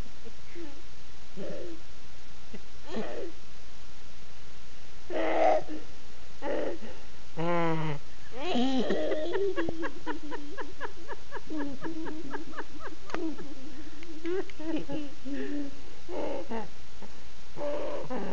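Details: A child with croup makes hoarse, hooting, donkey-like sounds and a long creaky, pulsing stretch, with the seal-like barking quality of croup.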